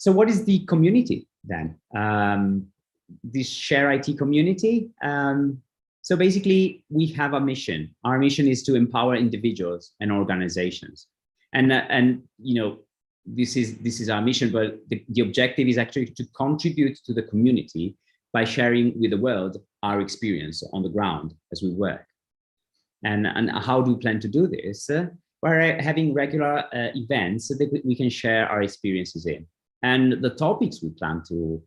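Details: Adult speaker; typical speech.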